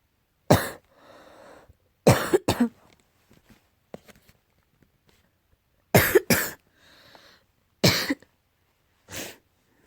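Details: Repeated dry cough in a cat, six short sharp bursts, some paired, with quiet wheezy breaths between; possible allergy cough.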